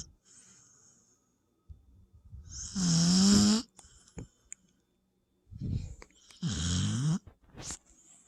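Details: Dog, possibly a puppy: two loud, rough, rattling snores on the in-breath, each about a second long, separated by quiet breathing; snoring.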